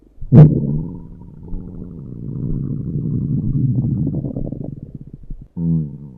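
Long, low gurgling rumble with a gravelly, bubbling quality lasting several seconds, then a brief tonal groan; ordinary stomach growling.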